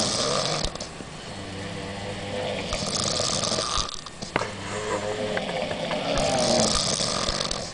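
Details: Five young women asleep on holiday after a nightclub and drinking alcohol, with low, rattling snores that overlap and alternate over steady room noise; snoring.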